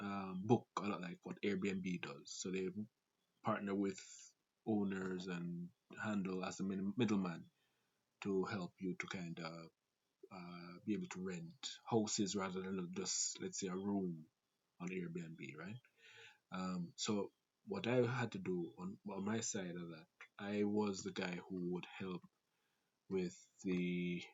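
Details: Stuttering in an adult Jamaican man who reports a stutter inherited through his family (grandfather, father, siblings) and a fast speaking rate; stuttering.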